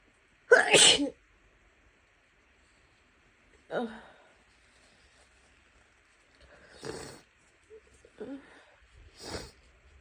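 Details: A person coming down with a cold: one loud explosive sneeze, then several wet, messy sniffles and a short nose blow; sneezing with nasal congestion.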